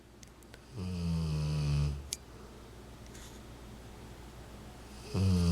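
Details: Rottweiler sleeping on owner's lap, 40 days after hemangiosarcoma diagnosis and splenectomy; loud, deep rattling snores separated by quiet pauses.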